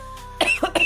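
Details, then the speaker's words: Adult's dry cough during a livestream: three quick, harsh coughs in rapid succession with no rattle or wetness, non-productive. "what's going on over there? I don't know. That's all a dry cough."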